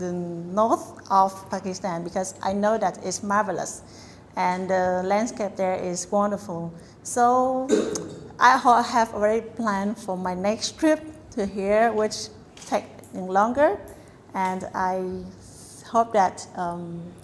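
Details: Adult woman; fluent speech.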